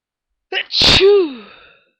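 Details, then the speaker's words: Early-morning sneezing fit: a brief intake of breath, then one sharp, forceful sneeze with a voiced trailing tail; an ordinary sneeze. "I was just so sneezy this morning, and I thought I'd try to give you a few."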